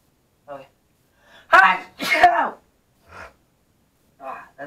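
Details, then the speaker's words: Deliberate sneezes in a sneezing challenge: a few short vocal bursts, then two loud explosive sneezes with sharp intake and forceful release. "so technically what you do is you um sneeze three different ways first one you sneeze the classical acts you sound and the second one you do a really high-pitc"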